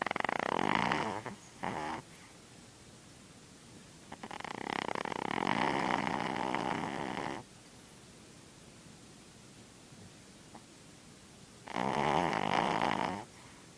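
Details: Pet Lulu, down with a cold and an ear infection but on the mend, snoring while asleep. Loud, rasping snores with quiet pauses between them, about 13 breaths a minute.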